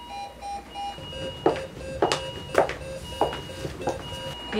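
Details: Repeated electronic beeping of a bedside monitor alarm with room noise, for a conscious simulated adult male patient who has gone into ventricular tachycardia, prompting a rapid response call.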